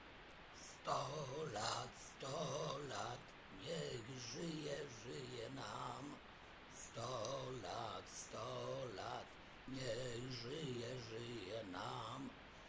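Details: Man after total laryngectomy, originally fitted with a voice prosthesis and treated with microsurgery, singing with fluent, well-modulated tracheoesophageal voice described as very good; tracheoesophageal voice after total laryngectomy.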